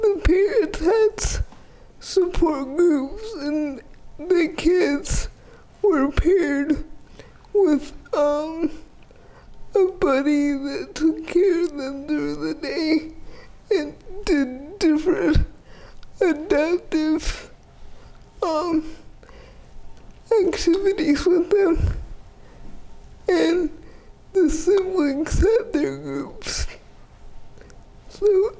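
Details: 30-year-old woman with GMFCS Level 4 spastic quadriplegic cerebral palsy with an athetoid component affecting arms, legs and trunk; uses a power wheelchair, repeated eye and hip orthopedic surgeries; dysarthria (athetoid cerebral palsy).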